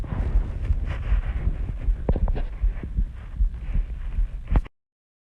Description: Hi guys I was recording my heartbeat after waking up after sleeping and all that I decided to record how my heart sounds like.